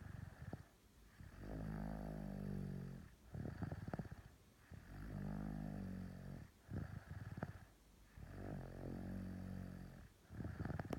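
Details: Slow, rhythmic rattling snores on each breath in, about five breaths a minute, with quiet gaps between; ordinary snoring.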